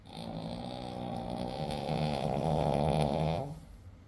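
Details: Sleeping dog snoring: a sustained, rattling, vibrating snore.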